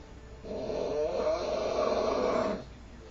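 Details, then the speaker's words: Adult man with a severe snoring problem, recorded while asleep; a single loud, rough, rattling snore lasting about two seconds, described as sounding like fighting for air: snoring. "That's just hard. I feel so bad for you. I can just hear yourself fighting for air."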